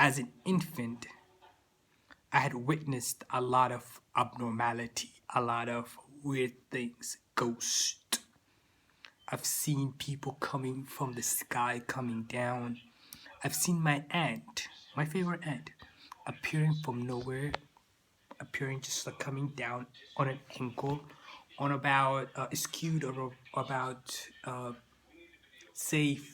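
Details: Stuttering in an adult man who says he still stutters, with word repetitions.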